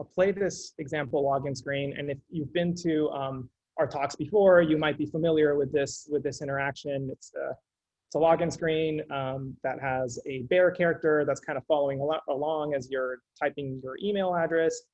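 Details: Adult male speaker; no disorder.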